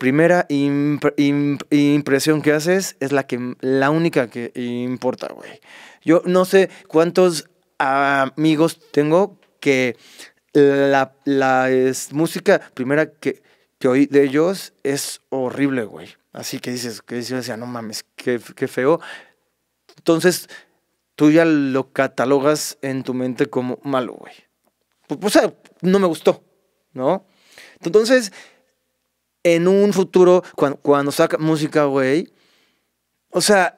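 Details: Stuttering in a Mexican male singer who has stuttered since childhood; he reports no stuttering when singing and stuttering less when drunk.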